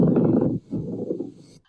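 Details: Pleural friction rub from inflamed pleural surfaces rubbing together, heard in inspiration and expiration and not cleared by coughing; causes listed include pleurisy, pulmonary embolism and pneumonia.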